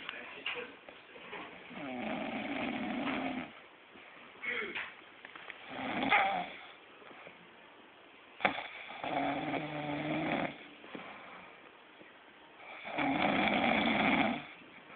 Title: Snoring Lol